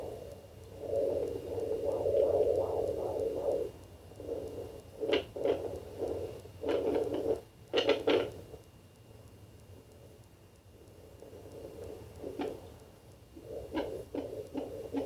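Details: Fetal Doppler of twins at 28 weeks 5 days of pregnancy: rapid whooshing pulses, fast normal fetal heartbeat.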